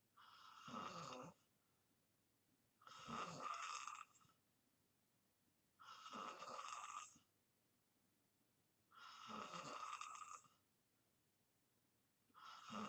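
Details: Person in deep sleep, recorded as white-noise ASMR, snoring: regular soft rasping snores about every three seconds, around 20 breaths a minute, with quiet gaps between.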